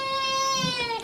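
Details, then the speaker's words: Newborn boy woken from sleep during a chiropractic exam, moved for reflex checks, gives a loud, sustained, steady-pitched cry falling at the end; strong, vigorous, angry cry. "I know you're mad. I know you were sleeping and now Mr. Ross is waking you up."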